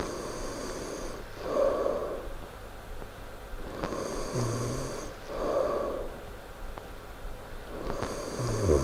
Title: loud snoring